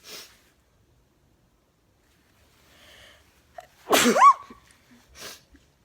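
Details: Girl sneezing repeatedly: a short indrawn breath, then a sharp high sneeze with a squeaky vocal tail, followed by a softer breathy burst; sneezing.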